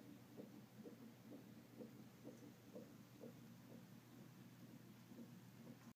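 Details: Non-stress test of a female fetus: fast, steady soft whooshing beats around 130 a minute over monitor hiss, a fetal heartbeat picked up by Doppler monitor.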